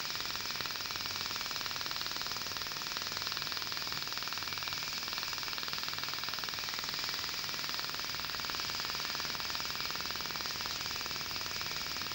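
Steady rapid crackling-popping hiss at about four pulses a second, the pulsed snapping of a dental laser working on tooth.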